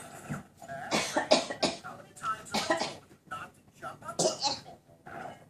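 A young child gives a run of short, harsh coughs in clusters, mixed with vocal sounds, in a quiet indoor room.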